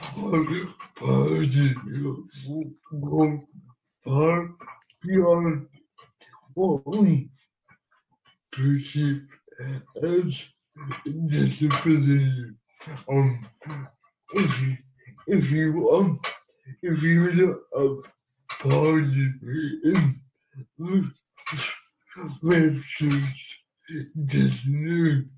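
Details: Man who has lived with cerebral palsy for 37 years and uses a wheelchair; speech impairment not named, inferred from largely failed automatic transcription; dysarthria associated with cerebral palsy.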